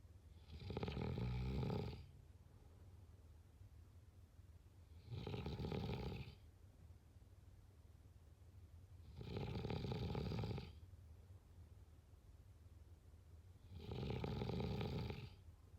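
Four loud, rumbling snores come evenly about every four and a half seconds, roughly 13 breaths a minute, with quiet exhalations between; steady snoring.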